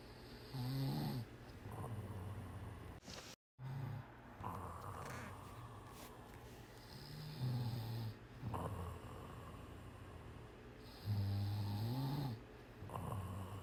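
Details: Sleeping cat snoring hard: loud, rhythmic snores, about four in fourteen seconds; ordinary harmless snoring.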